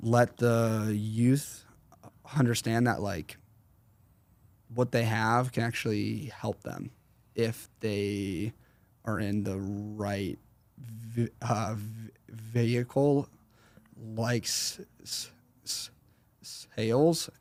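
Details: 21-year-old man with a severe stutter since fourth grade; severity varies and is worse when he consciously processes what he says; stuttering.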